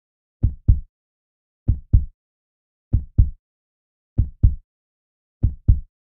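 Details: Strong, regular heartbeat with clear paired lub-dub thumps at about 48 beats a minute.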